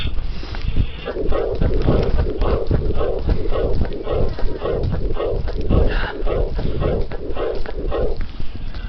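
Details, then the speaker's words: Teaching recording at the apex: regular heart sounds with rough murmurs in both systole and diastole, the diastolic component slightly louder; two superimposed murmurs from combined aortic stenosis and aortic regurgitation. "So what pathology is causing this? This is combined aortic stenosis and aortic regurgitation."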